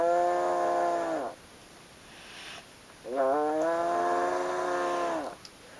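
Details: Dogue de Bordeaux, described as a huge snorer: two long, loud, tonal rattling snores, each over a second, separated by a quiet breath; snoring.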